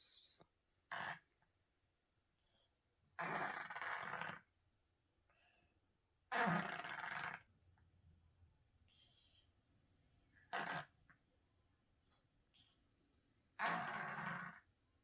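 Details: Senior feral cat with cancer for years, already tested for polyps, makes harsh snorting and gasping breath noises in irregular bursts; labored breathing; gasping and snorting respiration.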